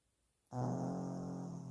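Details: Dog with heavy snoring during a sleepless night: a quiet start, then a loud, sustained, low rumbling, buzzing snore while the dog sleeps; snoring.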